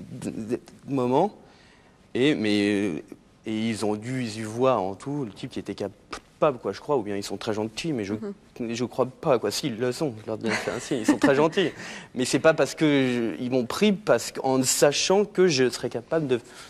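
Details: Stuttering in a man, a talk show guest who says he built his identity around his stutter and that it is better today; stuttering.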